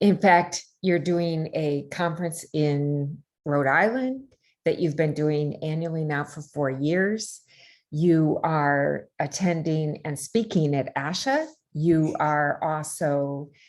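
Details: Adult woman speaking; normal speech.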